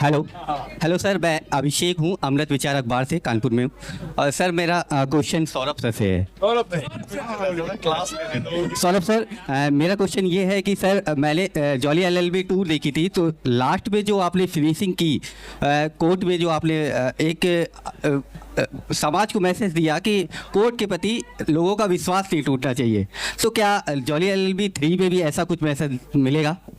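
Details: Adult male speaker; Normal speech.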